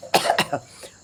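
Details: An adult woman who says she has a cough and has lost her voice gives a quick run of three short, harsh cough bursts, then a faint fourth, in a brief coughing fit.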